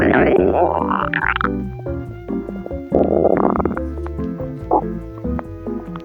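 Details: Stomach rumbling (borborygmi), cause unclear, tagged as hungry gurgles: loud bubbling gurgles in bursts over steady background music.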